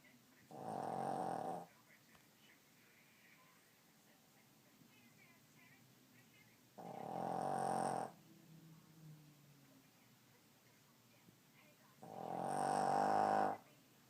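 Three loud, rumbling snores on breathing in, roughly 13 breaths a minute, in a quiet room. Snoring.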